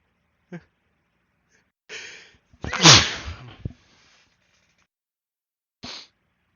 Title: Drunk sneezes (a few buildups)